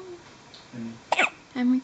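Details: One-day-old newborn baby girl with hiccups: a single abrupt, sharp catch in the breath between faint squeaky sounds.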